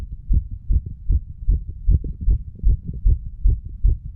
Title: HeartBeat Recording of 35 Year Old under influence of Medical Marijuana and Tobacco.